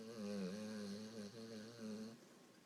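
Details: Sleeping English Bulldog after playing at the beach, possibly dreaming, snoring: a continuous buzzy, whistling snore with a steady low pitch through a long inward breath.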